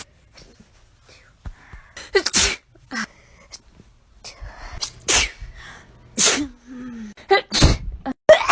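A run of separate sudden sneezes, about six, each with a quick indrawn breath before the burst; ordinary sneezing.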